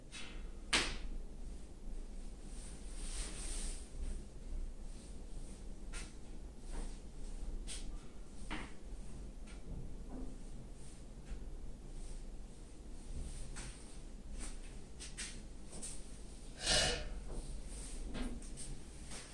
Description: What is self create knee popping? How does it work and release tension? A few things, including muscle, tendon, ligament, is involved when that happens.